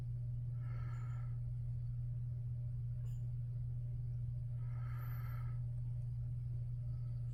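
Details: A sleeping cat snores: two soft, raspy breath noises about four seconds apart over a steady, loud, low hum.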